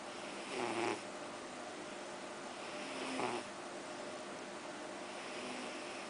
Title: いびき Snoring